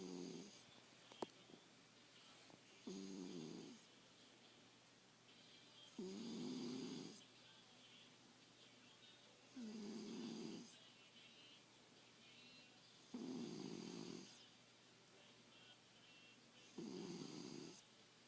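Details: A sleeping cat snoring: slow, regular rattling snores about every three to four seconds, roughly 17 a minute, in a quiet room; snoring.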